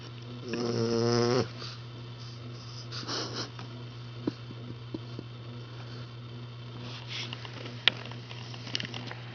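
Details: 8-week-old Boxer puppy asleep: brief whistling snort then soft, irregular snoring breaths over steady room hum.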